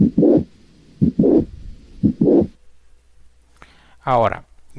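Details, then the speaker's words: Mitral valve prolapse with mitral regurgitation: a midsystolic click and a late systolic murmur from blood leaking from the ventricle back into the left atrium, growing louder toward the end of systole. "el soplo que representa la fuga de sangre del ventrículo hacia la aurícula izquierda es un soplo que suele terminar más intenso al final de la fase sistólica por lo cual se considera un soplo tele sistólica vamos a escuchar el soplo del prolapso válvula mitral"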